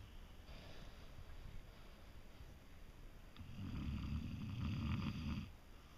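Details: Single low, rattling snore on one breath lasting about two seconds, in a quiet room; snoring.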